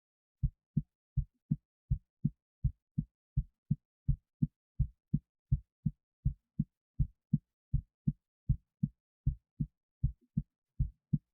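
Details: Normal but excited heartbeat of the recorder, with EKG set up, before a 25 lb weight was placed on the left chest; steady, regular, about 80 per minute, each beat a clear pair of low thumps.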